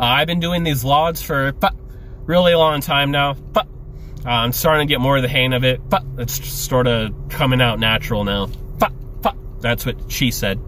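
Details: Adult male with Tourette syndrome, with involuntary noises and utterances during casual speech: vocal tics (Tourette syndrome).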